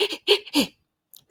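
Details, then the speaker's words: An adult in a perinatal talk imitates a baby's short, breathy 'heh, heh' sounds, likened to a small dog; this is the Dunstan baby-language cue for a baby in discomfort. Imitated, not a real baby. "on va avoir ensuite le he le he c'est vraiment un son où les bébés ils sont inconfortables"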